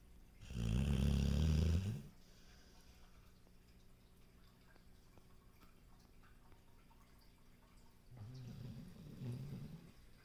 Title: snoring dog with tongue bleh